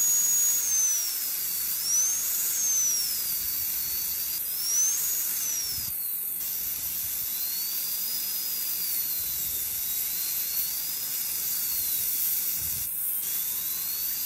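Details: High-pitched whine of a high-speed dental drill, pitch rising and falling as it cuts and eases off, with brief breaks, during a Class II interproximal cavity preparation under rubber dam, forming the proximal box.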